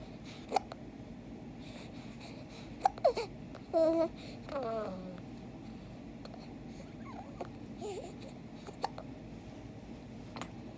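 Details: Infant boy gives several short, sharp hiccups at uneven intervals, with brief babbling between them.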